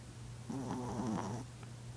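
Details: Sleeping chihuahua that owner says always snores loudly: one drawn-out, rattly, nasal inhaling snore with a steady low room hum; snoring.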